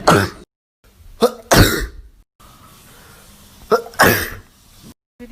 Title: Me sneezing 27 times